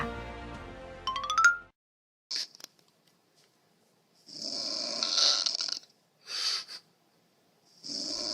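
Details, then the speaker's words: Snoring: an adult snoring sound, the kind of loud snoring that can disturb others and may accompany sleep apnea. "코골이 현재 한국 성인 남성의 60% 성인 여성의 40% 가 겪고 있을 만큼 흔하디 흔한 증상이 바로 코골이 인데요 그런데 왜 사람들은 코를 고는 볼까요"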